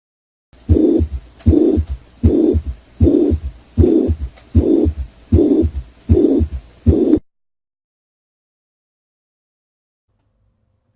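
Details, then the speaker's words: Teaching recording of mitral regurgitation: regular heartbeat around 78 a minute with a blowing pansystolic (holosystolic) murmur at the apex radiating to the axilla. "pans systolic holes stolic murmur at the Apex going to the ailla that is mitro regurgitation that's mitro regurge"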